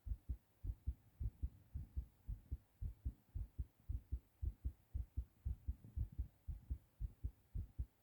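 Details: Male recording his own heartbeat after a hard cough while sick: strong, regular low lub-dub thumps at about 100–110 a minute with faint room hum, a fast pounding heartbeat (tachycardia).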